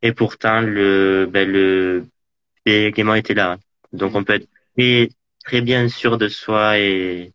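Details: Man interviewed in French about living with stuttering: stuttering.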